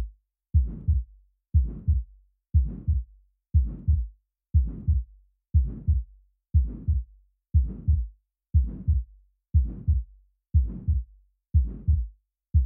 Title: Aortic Stenosis - Murmur Sound & Animation